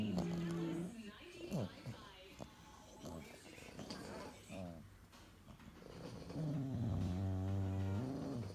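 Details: Sleeping bulldogs: loud, rumbling, groaning snores with snorts and wheezy noises between them; heavy snoring.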